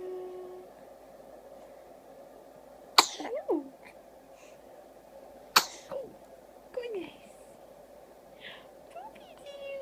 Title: Sneezes and smiles